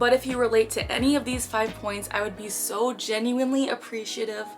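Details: Young woman with Tourette syndrome; an interjected word at the end of a sentence; vocal tic.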